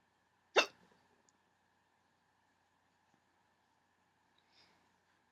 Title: Hiccups 18